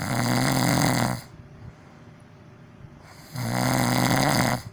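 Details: Deliberately exaggerated snoring performed loudly for an ASMR recording; two very loud, harsh snores with a quiet pause between them.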